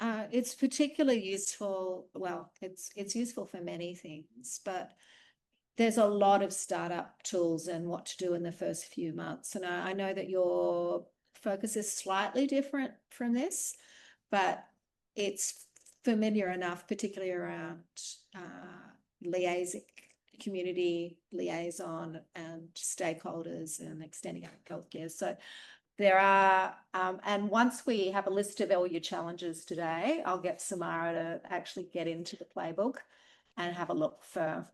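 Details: Adult woman speaking; normal speech.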